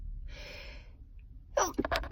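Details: Adult who says they are sick and sneezing uncontrollably: sharp inward breath, then an explosive sneeze in a small room; sneezing.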